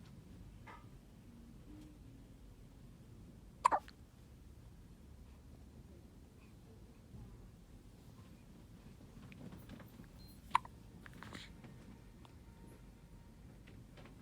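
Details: Four-day-old newborn baby hiccuping in a quiet room, two brief, sharp hiccup sounds spaced several seconds apart.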